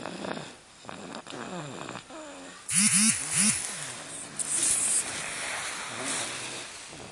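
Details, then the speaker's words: A baby girl snoring, surprising for an infant. "A baby is snoring? This is crazy. Oh my god. She's a freaking snorer."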